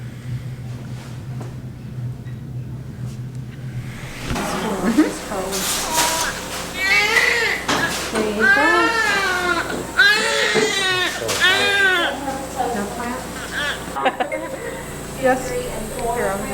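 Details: Newborn delivered after the mother began bleeding during labour and the doctor decided to get the baby out: after a quiet start, strong repeated wailing cries with room noise around it.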